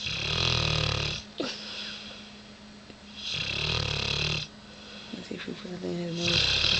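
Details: Biggie, a dog that couldn't stop snoring, asleep: loud, rattling snores in long drawn-out cycles about 3 seconds apart with quiet stretches between.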